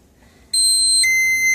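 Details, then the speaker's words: Infinity enteral feeding pump during preventive maintenance testing, with the tube coming out of the pump deliberately blocked: two high, steady electronic tones, the no-flow-out alarm meaning no flow between pump and patient. "So now we will get the no flow out alarm, which means there is no flow between the pump and the patient."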